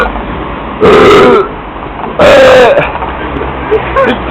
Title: My Burps In The Street 3 / Mis Eructos En La Calle 3